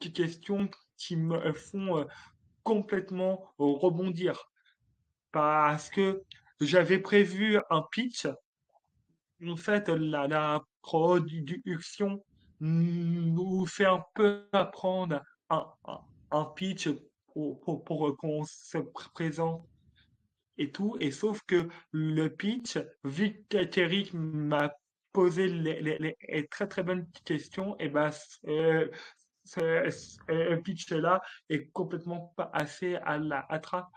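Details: Adult male comedian with stuttering since childhood, detected at age 4, which he calls a speech disorder and part of his identity; stuttering.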